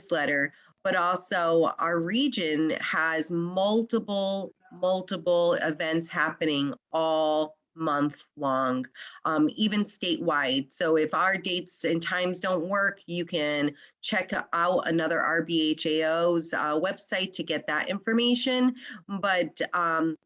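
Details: Adult woman speaking; ordinary speech.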